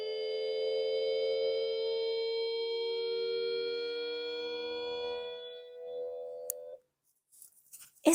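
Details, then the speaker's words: Simulated noise-induced tinnitus: a steady, loud multi-tone hum, described as constant, annoying, very low and high pitched, and the most common reason patients seek care. A brief voice follows. "ruido es tremendo porque es el motivo por el cual la gente aquí se me desquicia es un ruido fuerte constante latoso muy grave agudo"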